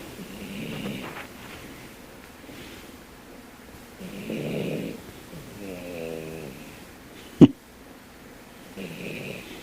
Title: POODLE SNORING LOUD